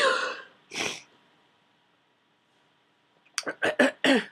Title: Powerful Cold Sneezing